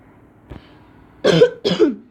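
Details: A faint throat sound, then two loud, harsh coughs close together from an unwell child, recorded while speaking during gameplay; a plain cough.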